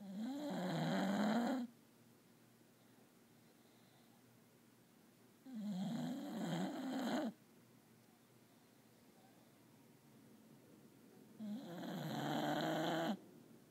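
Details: Three long, rattly snores about six seconds apart, roughly ten breaths a minute, with quiet between; steady snoring.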